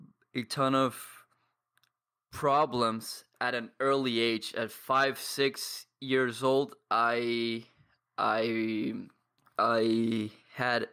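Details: 22-year-old man from Paraguay who has stuttered for as long as he can remember and trains daily with a community of stutterers; pauses and blocks; stuttering.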